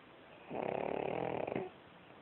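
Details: Pug, a short-nosed dog, snoring while asleep: one rattling, fluttering snore on a breath lasting about a second.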